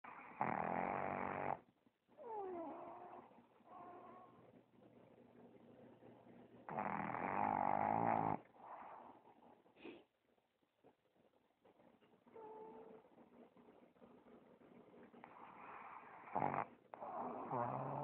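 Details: A pug, tired after playing and asleep on a person's chest, snoring loudly: loud, rattling, snorting breath sounds in bursts between quieter wheezy breaths.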